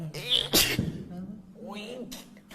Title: sneezes (oneus & cix)